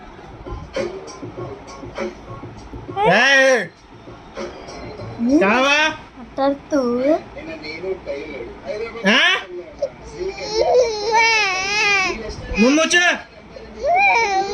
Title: daddy shouting baby crying #viral